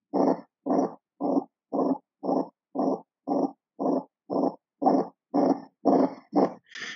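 Simulated infant heart with a loud, harsh, low-pitched murmur filling each beat, about 118 a minute: large ventricular septal defect murmur.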